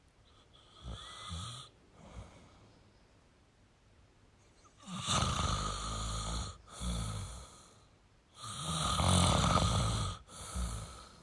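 Loud, rough snores on the in-breath, two strong ones in the stretch with quieter breaths between; ordinary snoring in sleep.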